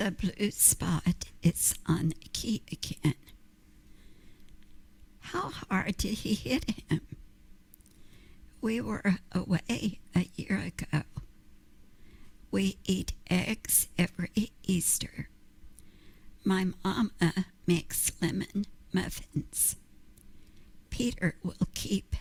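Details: Vocal tremor in connected speech that resembles laryngeal dystonia.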